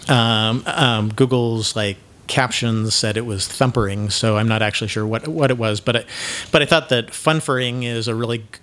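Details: Man who identifies himself as having cluttering, with frequent word repetitions and mid-sentence self-interruptions (mazing); this stretch has repeated words and phrases and a broken-off word. Finding: cluttering.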